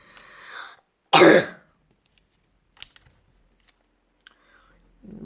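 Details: Child's single short, sharp dry cough burst in a quiet room during a paper-folding session, followed by faint rustling.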